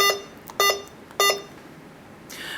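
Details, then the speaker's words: Three short, sharp electronic beeps about half a second apart as keys are pressed on the number pad of a Hawkmed HK 400III veterinary syringe infusion pump while setting the infusion rate (mL per hour) in rate mode; a normal device sound. "to adjust the rate we just need to press our corresponding number which is one and we can adjust this on our number pad"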